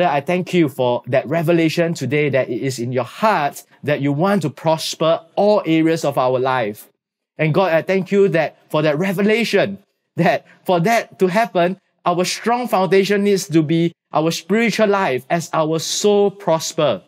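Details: Adult speaker; normal voice.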